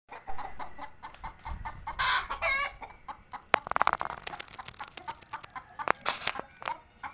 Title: Suffering from cold and cough #hens #chicken #cold #cough #murghian #hencare